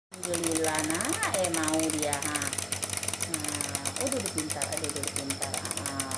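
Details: Nebulizer compressor running during nebulizer treatment of a coughing baby: steady buzzing rattle throughout, with voices and sing-song talk over it.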